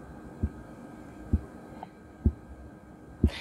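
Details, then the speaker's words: Manual blood pressure measurement with a stethoscope: cuff inflated to 150 and deflated slowly by 2–3 mmHg; four soft, regular tapping Korotkoff sounds about once a second, the first marking systolic pressure; diastolic noted as 50. "having a listen to those tapping noises which are otherwise known as the courage cough noises the first time that you hear those clicking noise all those tapping noises actually corresponds to your systolic pressure"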